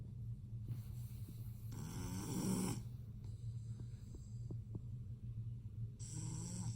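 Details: Lilac male BearCoat Shar-Pei puppy snoring: low rumbling snore with snuffling breaths and small snorts over a steady hum.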